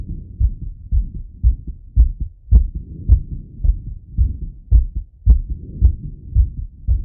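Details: Steady, regular heartbeat at about 110 beats a minute, heard through a stethoscope as a male auscultates his own heart after a workout set: fast but normal heartbeat after exercise.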